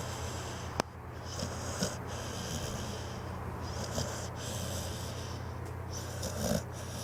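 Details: Pitbull dog snoring.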